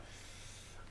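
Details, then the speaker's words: Dog sleeping by owner's feet at 5:30 in the morning gives a low, rumbling snort-like breath; snoring. "um you can probably hear my dog snoring right by my feet uh it's um 5:30 in the morning and I haven't been to bed yet"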